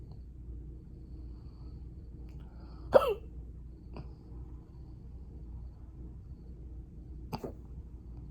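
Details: Sunday hiccups that started from nowhere, brief but intense: three sharp, sudden throat catches over about eight seconds against a low room hum.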